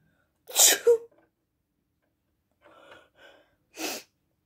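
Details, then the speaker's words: Loud, wet, spraying sneeze, a softer breathy catch, then a second forceful sneeze, from a young person home from school with a really bad cold despite cold medicine; sneezing. "So I can actually feel a sneeze coming right now."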